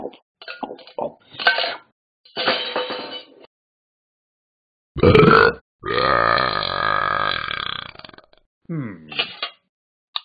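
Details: Simulated burps from the animated Talking Ben the Dog app, said to follow eating too many cans of bacon bits: several loud burps, one long and drawn out, between short vocal sounds.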